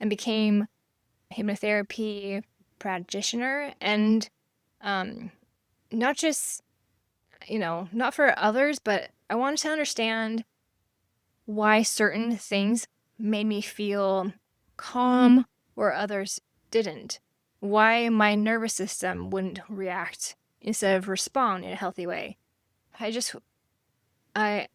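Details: Aphasia after stroke in a woman, living with it since 1999 (over 25 years); she can sometimes spell a word but cannot pronounce it or form words together; no cure, explored meditation and hypnosis.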